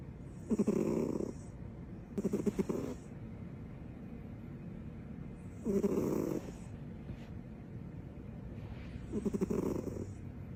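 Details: Female dog sleeping with her tongue out: rhythmic snorting snores, four breaths in about ten seconds, fluttering and rasping; snoring.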